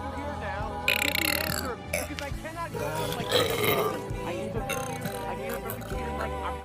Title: burping daughter tiktoks